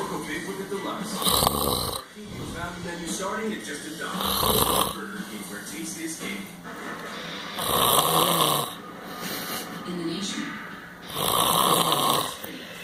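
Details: Heavy, loud rasping snores about every three to four seconds, with rumbling breaths between and some background noise, from a male who falls asleep as soon as he lies on the couch; snoring.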